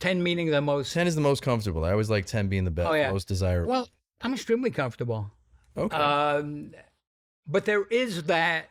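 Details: Adult speakers in conversation; typical speech.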